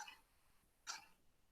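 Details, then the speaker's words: Pigs that are not moving give short, dry, harsh, frequent coughs, described as a classic case of swine influenza in the herd; dry cough from swine influenza. "ahí vemos un caso clásico de la influenza porcina tos seca frecuente"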